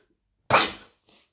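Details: One sudden loud sneeze in a quiet room, then a soft exhale, from an adult self-isolating on day one of quarantine who says he sneezes all the time.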